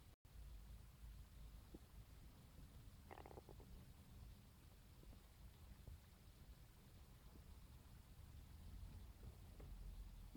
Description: this morning i woke up to the sound of my stomach and decided to record them with my phone for you guys ^-^